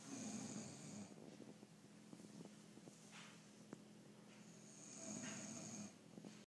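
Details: Sleeping female bulldog snoring: loud rattling snore on inhaling with quieter stretch between, two full snore cycles.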